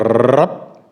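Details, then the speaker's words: 12-year-old female with rheumatic mitral stenosis in sinus rhythm: doctor's vocal imitation of a rough, rumbling mid-diastolic murmur with presystolic accentuation ending in a loud first sound; mitral stenosis murmur. "typical murmur of matter stenosis is a rough and rumbling mid diastolic murmur with pre-systolic accentuation ending in a loud first sound it sounds like"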